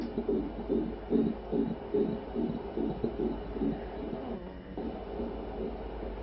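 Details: Rapid rhythmic whooshing pulses at about 143 per minute on ultrasound Doppler of a baby boy in a pregnancy with complications from the start; a normal fetal heartbeat.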